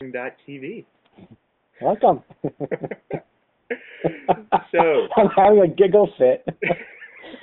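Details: Lifelong stuttering in an adult co-host of a webcam podcast about stuttering; stuttering.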